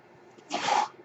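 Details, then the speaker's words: A person's own mechanical ventilator heard while they record a podcast: a brief airy hiss with a faint whistling tone rises and fades over about half a second as the ventilator delivers a breath. "Hello, everyone. My name is. That noise you're hearing is my ventilator."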